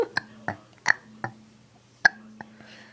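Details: Boy who has discovered he can make himself burp, doing it repeatedly: several short throaty bursts with a low voiced tone between them in a quiet room; burping.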